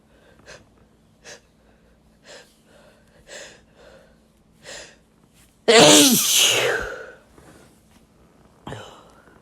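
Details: Sneeze from a compilation: quick short breaths drawn in, then one loud explosive sneeze and a smaller sound after it, a typical sneeze.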